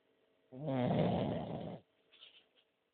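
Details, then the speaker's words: Sleeping French bulldog: one loud, rough, rattling snore on the in-breath lasting over a second, then quiet; snoring in a flat-faced dog. "Homer, oye, deja de roncar, que estás roncando mucho."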